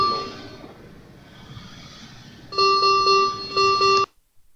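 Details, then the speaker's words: Critical care ventilator used for COVID-19 cases, teaching demonstration: repeating high electronic chimes signalling a leak in the ventilator circuit with its many connections; ventilator leak alarm. "so basically it shows you are having some lis so in ventilator circuit we are having lot of the area for late because lot of connections are there"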